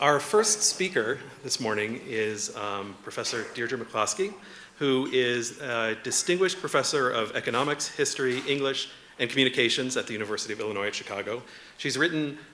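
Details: Adult speaker, likely male; normal speech.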